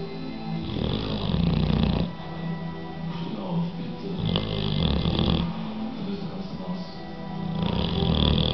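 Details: Bulldog snoring heavily, rough fluttering snores on both inhalation and exhalation, about four breaths in eight seconds, background noise.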